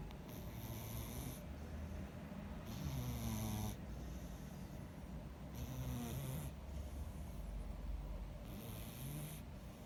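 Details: Overweight cat snoring while sleeping: soft, hissing snores, about twenty a minute, half buried in steady room hum.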